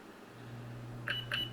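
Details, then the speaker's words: Periotest-type implant mobility tester (measures contact time to gauge implant dampening): two short high-pitched beeps over a low hum, the error signal when the handpiece is not held at the proper distance. "If you don't have that proper distance, you get this high-pitched sound like this."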